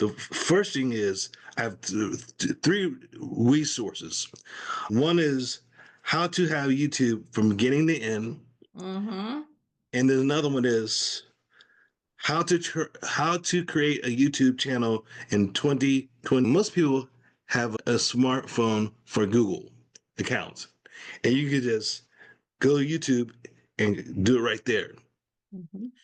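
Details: Adult male stroke survivor with aphasia after the stroke, in ongoing recovery, speaking in conversation; aphasia.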